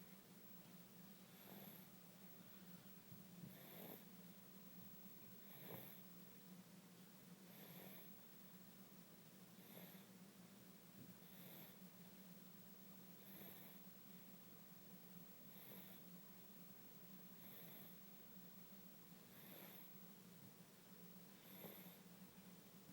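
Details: Soft regular snorting breaths, about 30 a minute, over room hum, from a sleeping male baby tired after his 6-month immunization; light snoring.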